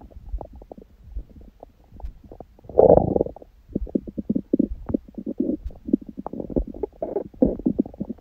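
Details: Adult on a raw-food diet, recorded after eating (first meal at 16:00 after fasting on water since 19:00 the previous day, then overeating) and after ab exercises: frequent belly gurgles, squelches, short rumbles and one longer loud gurgle; active bowel sounds.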